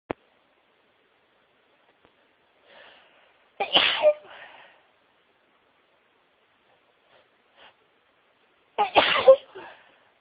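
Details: Person who had been sneezing all day at work: two forceful sneezes about five seconds apart, each preceded by a quick indrawn breath; repeated sneezing.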